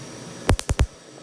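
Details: Four sharp snapping pulses over quiet room noise: tattoo removal laser test-fired on skin at a first removal session, before treatment; afterwards gas bubbles form at the surface.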